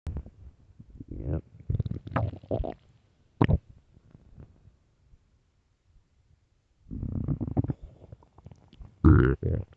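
Bubbling, gurgling abdominal rumbles in bursts with a quiet pause, then louder gurgles; ordinary stomach growling, normal bowel sounds.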